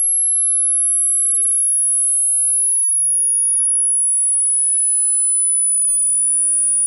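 A steady, very high, faint pure tone gliding slowly downward in pitch: a hearing test tone sweep from high to low.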